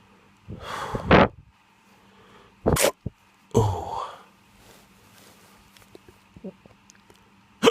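A few abrupt, sharp vocal bursts with short gasping catches and quiet gaps between them, fitting hiccups.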